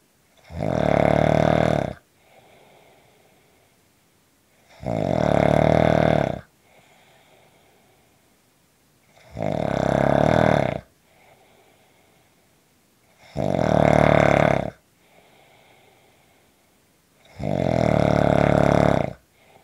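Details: Short snoring recording: loud, regular rasping snores on each in-breath, about 15 per minute, with quiet out-breaths between; habitual snoring.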